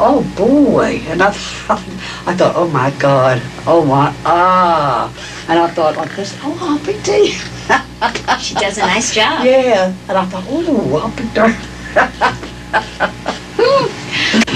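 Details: Patient with semantic dementia, with impaired understanding of word meanings, producing repetitive, empty speech. Semantic dementia.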